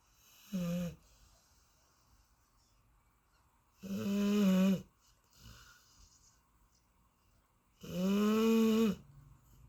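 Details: Golden Retriever dog snoring in deep sleep: loud, rough snores on breathing in, about four in ten seconds, with quiet gaps between.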